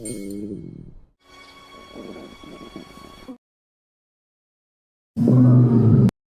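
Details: Low, rumbling, drawn-out gurgles ending in a louder burst, partly overlaid by background music; a person's stomach growling (borborygmi).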